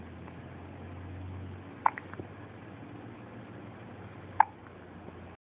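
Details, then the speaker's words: Two sharp, brief hiccups about two and a half seconds apart, from a male infant almost three weeks old during tummy time, over a steady low room hum. "We're doing it while he has the hiccups."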